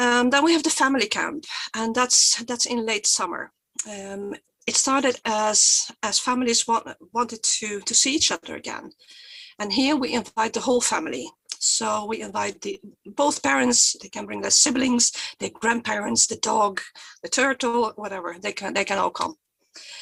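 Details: Stuttering in an adult woman who stutters and presents for the Swedish stuttering association; she says her stutter is quite obvious today.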